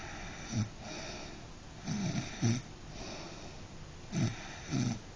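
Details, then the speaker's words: Sleeping dog snoring and snorting: repeated low, rattling snores in uneven pairs, about 26 per minute. "That's a good snort for the camera."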